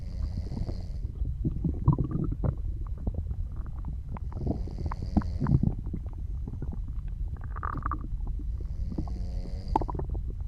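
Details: Ordinary digestive bowel sounds (borborygmi): steady low rumbling with gurgles under soft snoring breaths.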